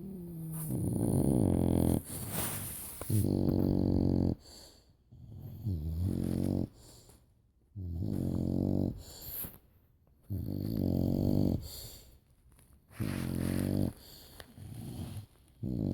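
Loud, rumbling, vibrating snores on each breath, about 15 breaths a minute, with overlapping snoring from more than one sleeper.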